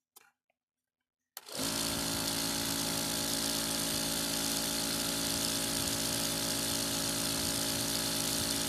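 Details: A click, then a steady, rapid buzzing pump drone from an Apex electric nebulizer air pump running after repair of a no-airflow fault.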